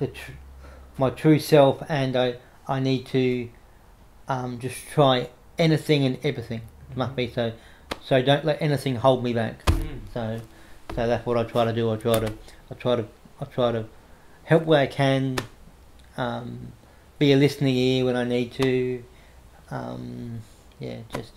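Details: Adult man with cerebral palsy since infancy, no movement in his right side (right arm and leg affected), says he has a bit of a stutter he tries to control by calming down; stuttering.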